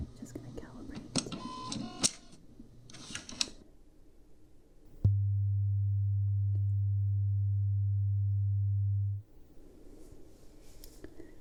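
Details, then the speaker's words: Role-played ASMR pure-tone hearing test through headphones, raising hand on hearing the beep: single steady low tone about four seconds with soft rustling and clicks around it. "So, this beep test, there's two different types. So, we have a um every time you hear it, you'll raise your hand."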